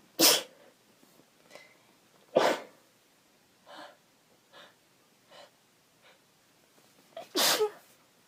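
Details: Cold weather sneezes with sniffles, from a female.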